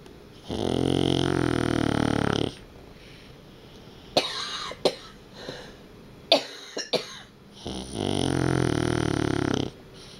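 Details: Sleeping dog snoring: long, loud, vibrating snores about two seconds each, with soft snorts and clicks between them.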